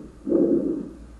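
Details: Simulated sound from an adult auscultation training torso, stethoscope on the trachea point; one hollow, rushing breath sound that fades as the stethoscope is lifted: normal tracheal breath sounds.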